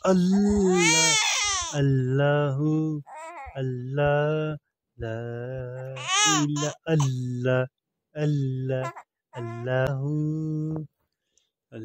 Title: cute baby crying |playing | trying to talk | must watch |